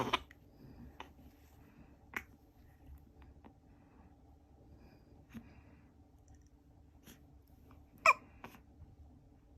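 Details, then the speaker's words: Infant at 86 days of life (corrected age 29 days) with hiccups that won't stop: soft, short hiccup clicks about every one to two seconds in a quiet room. "딸꾹질이 안 멈춰"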